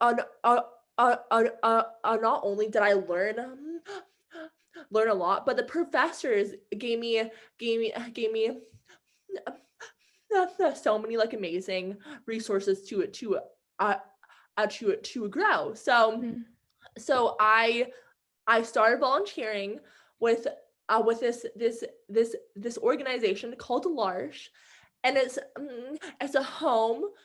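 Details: Adult woman who stutters, with sound and word repetitions; stuttering.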